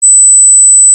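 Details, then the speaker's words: Steady, piercing high-pitched pure tone simulating tonal tinnitus; tinnitus is most commonly an 8000 Hz high-frequency sound. "이명은 8000hz 고주파 소리가 가장 흔한데"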